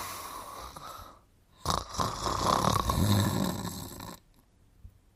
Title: The Smart Turtle & Friends Show (1986-1989): Sleeping & Snoring in 47 seconds